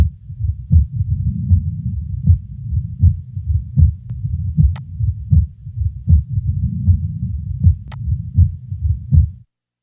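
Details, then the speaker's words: Patient with left bundle branch block, heard best at left base with diaphragm, respiration in background: regular heartbeat near 79 a minute, S2 splitting on expiration and single on inspiration; paradoxical (reversed) splitting of S2. "listen now to a paradoxically split second sound in a patient with left bundle branch block respiration is heard in the background"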